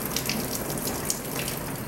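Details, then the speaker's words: Steady rushing, trickling water as warm water flows through a tube into the stomach of a lead-poisoned Trumpeter Swan during gastric lavage to remove lead pellets. "And what we're going to do is place this tube into the swan's stomach. We've got some warm water flowing through the tube."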